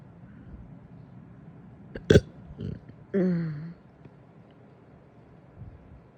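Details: After breakfast, with hiccups: a sharp hiccup-like catch, then a drawn-out, low, croaking burp lasting about half a second against quiet room noise; burping (eructation).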